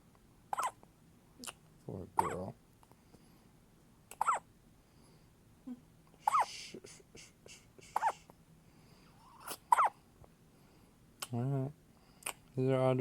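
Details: Baby's first hiccups: repeated short, sharp catches about every one to two seconds, with soft baby grunts and fussing between them; infant hiccups.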